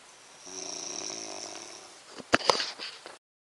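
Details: Snoring in sleep: one long, rattling, vibrating breath followed by a few sharp clicks and rustles.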